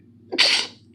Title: Sneezes of the day